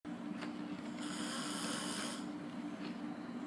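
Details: Snoring: a single long, rattling snore with a whistling edge over a steady background hum.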